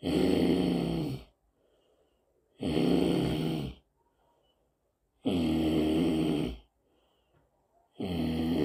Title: Choose your sleeping and snoring pattern.